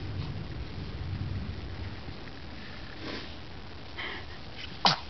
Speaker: bless you oh that's what was going to happen captured on film look at that